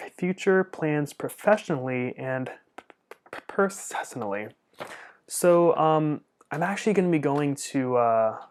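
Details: Adult man who stutters and studies speech-language pathology; stuttering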